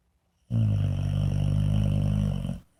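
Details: White boxer puppy snoring loudly in sleep: a long, low, rattling, buzzing snore during a single breath, with quiet before and after.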